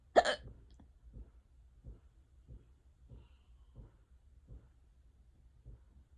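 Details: One sharp hiccup, then soft regular hiccup catches about every 0.65 seconds, roughly 90 a minute; an unusually persistent, prolonged bout of hiccups.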